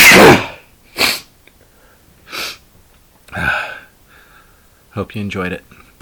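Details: Adult male sneezing with buildups: several sharp sneeze bursts with audible in-breath buildups between them, followed by brief speech.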